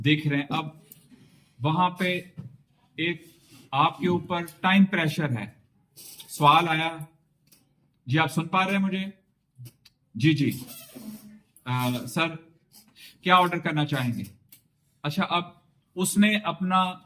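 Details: Adult male with a fairly significant stammer on arrival at a stuttering seminar, now speaking with the fluency-shaping techniques he learned; the trainer judges about 90% effective speech today. Stuttering managed with fluency-shaping technique.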